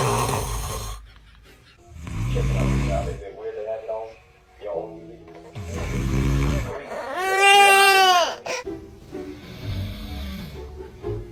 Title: Baby reaction to snoring